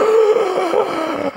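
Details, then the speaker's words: Adult imitating a sleeping obstructive sleep apnea patient who, after several failed breath attempts, nearly wakes and breaks through the blocked airway with a strained, groaning gasp and several breaths, then stops breathing again. "вот так вот он ужасно делает несколько вдохов, и после этого опять дыхание угасает, и он опять не дышит."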